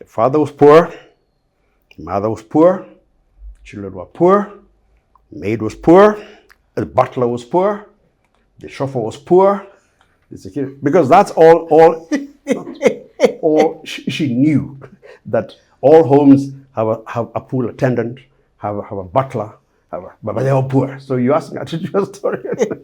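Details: Adult Kenyan man with a lifelong stammer, described by the host as clearly audible; his father had a milder stammer, as did a couple of cousins; stuttering.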